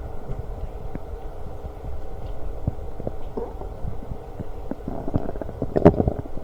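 Low rumbling and gurgling from the belly over steady background noise; stomach growling, a normal sound of digestion.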